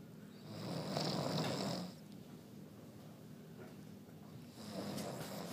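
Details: Two low, rumbling snores on in-breaths with a quiet gap between, during sleep; ordinary snoring.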